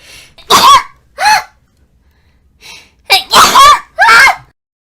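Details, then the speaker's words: Compilation of streamers' sneezes: a run of about five high-pitched, voiced sneezes with short gasping build-ups; sneezing. "Oh, I sneezed in my drink."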